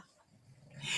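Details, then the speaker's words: A dog napping on the floor snores in the background while people talk. "Okay, so if you haven't seen flexible double points, they're kind of a combination between, can you hear the dog snoring? Yes."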